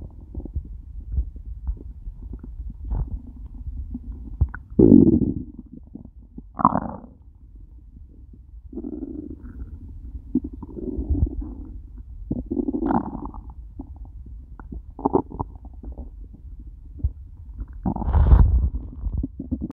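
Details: Low, irregular gurgling rumbles from the empty stomach of a person who ate nothing all day, stomach starting to hurt by the end of the recording; hunger borborygmi (stomach growling).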